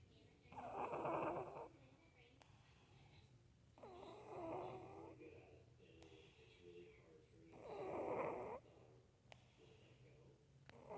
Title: Snoring in Sleep 🤗